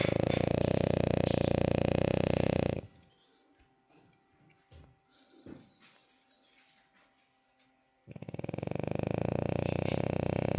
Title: This is how my girl snores 😝 #dog #frenchbulldog #doglady #snoring #girlsnores #dogsnores